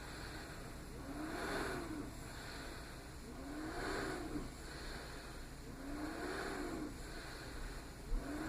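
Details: A small travel CPAP machine (DreamStation Go, AirMini or Transcend) running at 10 cmH2O with flex 3: steady blower hiss with a soft whine rising and falling about 25 times a minute as breaths cycle.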